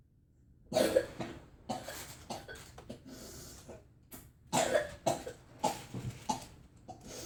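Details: Child with whooping cough (pertussis) trying to sleep at night: repeated harsh coughs in close clusters, coughing fits.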